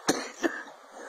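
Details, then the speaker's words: Two short, sharp, dry-sounding coughs in quick succession in a quiet room; the adult cannot stop coughing and claims to have coughed up fibers after a violent coughing fit. "yeah I'm sorry about my cough I can't stop"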